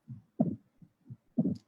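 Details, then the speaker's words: Low heart sounds with an extra early, sharp sound just after S2: pericardial knock in constrictive pericarditis. "So you can see just after the S2, this is the asterisk. Here comes the pericardial knock."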